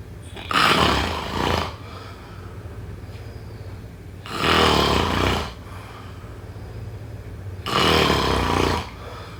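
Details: Snoring during sleep.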